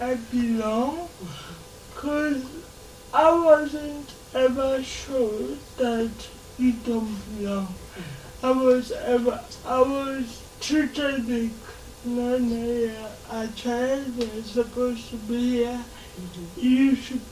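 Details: Adult woman with lifelong cerebral palsy affecting her speech; dysarthria (cerebral palsy).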